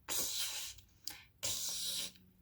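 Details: Bilateral lateral lisp (slushy s) demonstrated by a speech therapist: persistent type with air escaping out both sides over the back of the tongue instead of the front.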